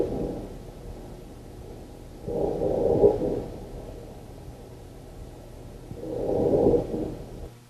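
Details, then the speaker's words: Snoring on both inspiration and expiration, a coarse low rumble at about 17 breaths a minute over steady background hiss, from the first night of a Medibyte sleep study recording. "so that's inspiratory and that's expiratory"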